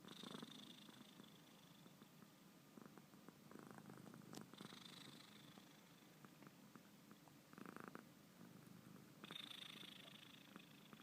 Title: Cat snoring